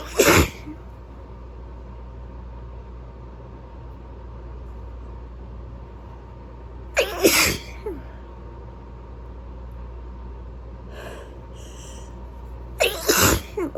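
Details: Three loud sneezes spaced several seconds apart over steady room hum, a sneezing fit in a person who is sick.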